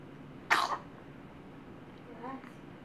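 One sharp, explosive burst of air, followed by a faint voiced sound in a quiet room: a single sneeze.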